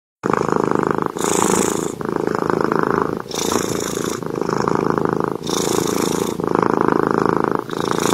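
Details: A sleeping cat snores: a continuous loud, rattling nasal noise rising and falling with each breath at roughly 28 breaths a minute, with a harsher hiss on alternate phases.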